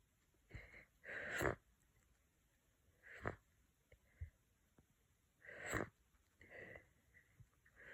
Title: Cold progression 3 - congested sneezes